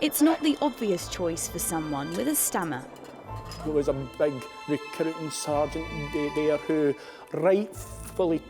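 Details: Adult narrator; fluent speech.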